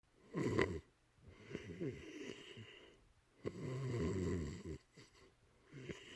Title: loud snoring dog